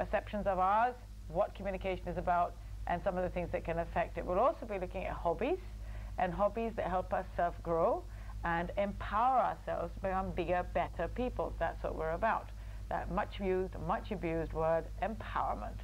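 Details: Adult woman, show host; fluent speech.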